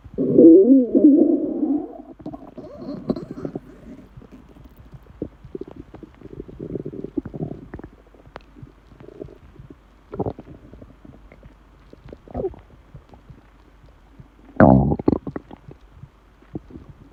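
Loud gurgling rumble, then quieter bubbling and a few later growls; ordinary stomach noises of an empty stomach.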